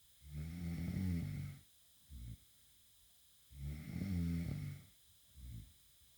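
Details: Loud, low rattling snores on each breath in with a shorter snort on each breath out, about 20 breaths a minute; an adult woman snoring in bed.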